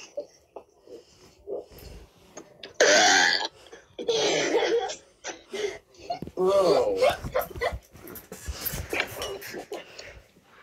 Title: Kids burping in front of the camera